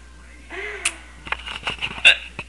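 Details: Person with hiccups that won't stop, talking to the camera: sudden sharp hiccups, one early and a louder one near the end, with soft clicks and breathing between.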